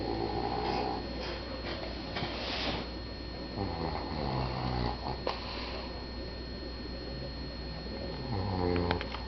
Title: who's snoring?